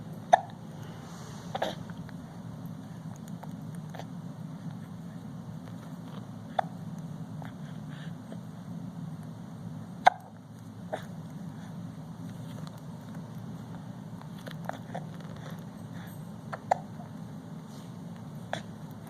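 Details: Almost 5-month-old infant sitting in a Bumbo seat: soft, brief, repeated catches at irregular intervals over steady background hum. Infant hiccups.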